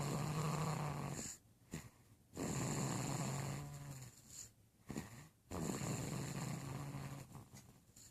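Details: Snoring during sleep: long, rumbling snoring breaths with brief pauses between them.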